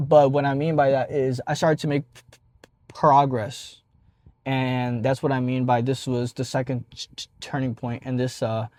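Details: Adult man who stutters and has stopped hiding his stutter, speaking after his second turning point in embracing it; stuttering.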